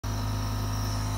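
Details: Nebulizer running while used playfully as a singing microphone: steady low motor hum with a fast buzzing pulse of the running compressor.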